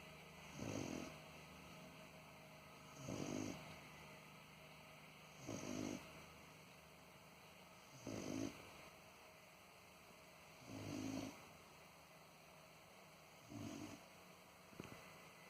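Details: Sleeping animal that habitually snores like a human: six soft, regular snores at about 25 a minute over a steady background hum; plain snoring during sleep.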